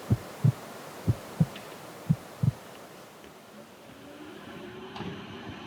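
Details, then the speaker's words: Young autistic person with heightened sound sensitivity hears their own heartbeat over an air purifier and Wi-Fi router: three soft paired lub-dub thumps, about 60 a minute, fading into steady room hum; normal heartbeat. "..but as well as the air purifier, I can hear the noise outside... ..the electric Wi-Fi router and the sound of my heart beating."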